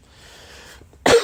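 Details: Coughing, sneezing and wheezing in an adult man with COVID, recorded between doses of medicine during a podcast.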